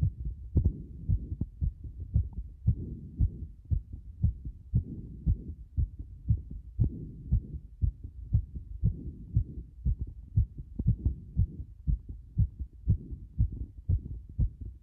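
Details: Fast heartbeat around 118 a minute with uneven spacing between beats; frequent irregular beats, an arrhythmia.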